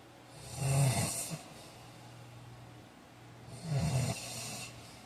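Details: Snoring: two loud, low, rattling snores about three seconds apart, with quieter breathing between them.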